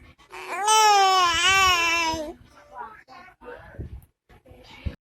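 A single long, high, wavering infant cry lasting about two seconds, followed by softer fussing sounds; an ordinary infant cry.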